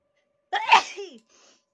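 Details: Single loud voiced sneeze with a short trailing vocal tail, possibly exaggerated for fun in a sneezing challenge clip.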